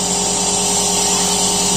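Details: Loud, steady mechanical buzzing hum with a high hiss from a Super Care nebulizer compressor running, with water added during a how-to demonstration; nebulizer compressor running.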